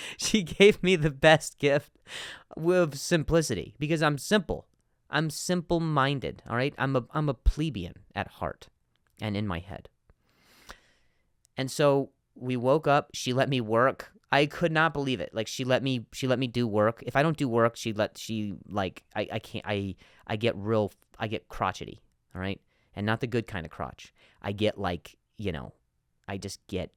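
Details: Adult male with stuttering, speaking spontaneously as a podcast host, repeating a word many times.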